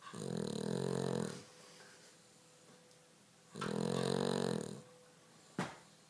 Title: Snoring Dog